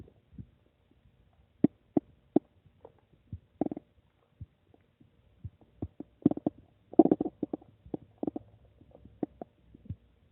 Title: My Stomach making noise 8